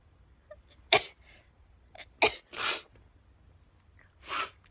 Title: sneezing compilation